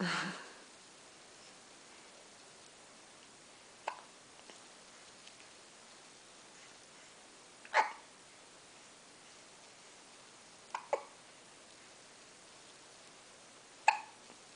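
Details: Faint, sharp little hiccups, about five at irregular gaps in a quiet room.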